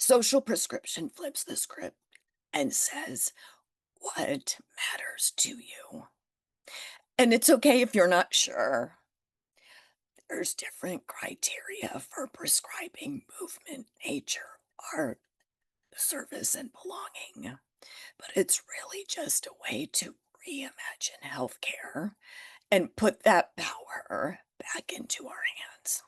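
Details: Adult woman with spasmodic dysphonia that developed after stress and illness while building her business; she is managing it naturally without Botox and says it is still audible in her voice.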